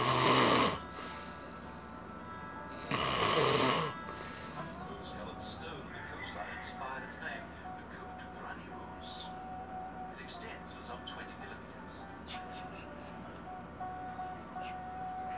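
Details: An adult man with sleep apnea snores loudly: two loud, rough snores about three seconds apart, then quieter room sound.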